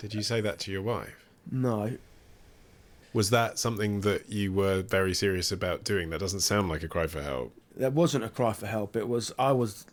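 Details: Adult men in conversation; typical speech.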